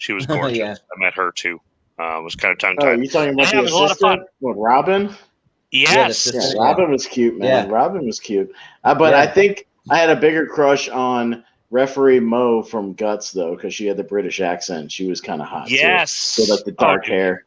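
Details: Adult male speaker; typical speech.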